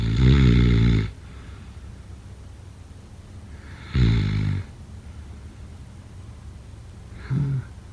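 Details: Three low, rumbling snores, each fading in a quiet room, the last shorter and softer; ordinary snoring.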